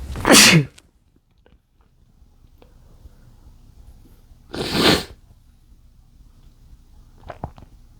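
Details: Male trying to stifle sneezes from chikni sneezing powder: two forceful, hissing sneeze bursts several seconds apart, only partly held back and still clearly audible.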